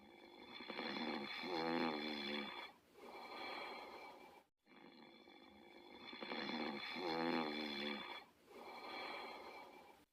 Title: Otto & Diesel Sleeping & Snoring